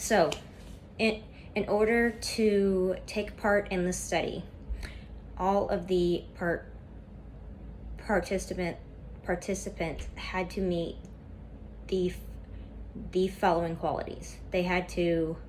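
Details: Stuttering in a woman reading a class PowerPoint presentation aloud; she describes a lot of tension at first that eases as the reading goes on.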